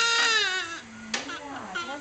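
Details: High-pitched wavering cry of a newborn boy just after birth and cord cutting, a falling wail, brief pause, then renewed shorter cries; a normal vigorous first cry.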